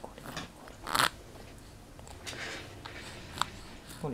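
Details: An infant grinding newly erupting front teeth (bruxism): short, scattered scraping and crunching sounds in a quiet room.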